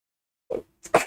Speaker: oh sorry oh sorry I don't know where the sneezes are coming from but uh that seems like it just come out of nowhere